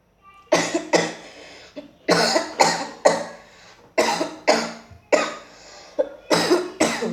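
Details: Acted, exaggerated male coughing performed for comic effect: about a dozen loud, harsh cough bursts in quick pairs and runs.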